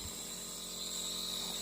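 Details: Nebulizer given to a young child, who takes the mist by mouth without a mask: brief steady motor whine with airy high hiss; nebulizer running.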